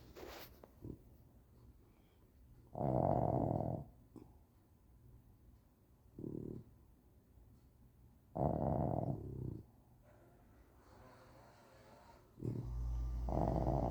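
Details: Sleeping boxer dogs, one loud, heard as deep rumbling snorts in irregular bursts over quiet breathing; snoring.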